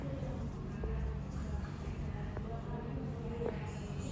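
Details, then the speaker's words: Postpartum mother's abdomen auscultated during a postpartum check, after asking about bowel movements: low rumbling with a few brief, scattered gurgles, normal bowel sounds. "Kita bisa tanya ke ibunya, ibu sudah BAB atau belum, atau sudah pilates atau belum, karena BAB dan pilates itu bisa mempengaruhi bising ususnya. Selanjutnya kita dengarkan bising ususnya."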